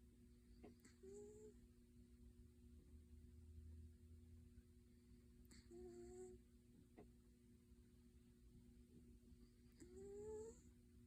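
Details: Sleeping cat snoring: three soft, squeaky whistling nasal sounds about five seconds apart, each rising slightly in pitch, over a steady room hum.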